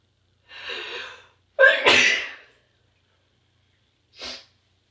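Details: A sharp indrawn breath followed by an explosive burst, then a smaller burst: two sneezes in a quiet room.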